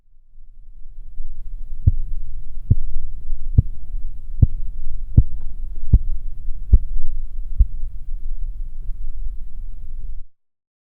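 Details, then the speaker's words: Manual blood pressure measurement with cuff, stethoscope and manometer: about eight regular tapping Korotkoff sounds at roughly 73 a minute over a low cuff rumble, fading to silence as the cuff deflates through the Korotkoff phases. "In the following example, please listen for the various phases of the Korotkov sounds while you observe the reading on the manometer."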